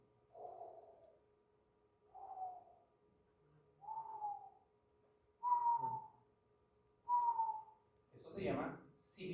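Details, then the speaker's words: Young boy with bronchospasm, as in asthma, heard with a stethoscope over the lungs: repeated high-pitched musical whistling wheezes with breathing from narrowed airways. "Los pulmones, el pecho le silba al niñito, ¿le escucharon? Le silbaba el pecho, sibilancia. Hay broncoespasmo, broncoconstricción. Al estrecharse, entonces, la vía respiratoria suena como un silbido."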